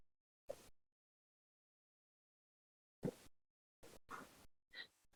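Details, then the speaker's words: Doppler whooshes with rough, turbulent crackling from many venous gas microbubbles, recorded by an O'Dive Doppler sensor 30–60 minutes after a dive, contrasting with the bubble-free heartbeat signal. "can hear the bubbles almost as if it's a form of turbulence picked up by the device there so it's a distinct difference really"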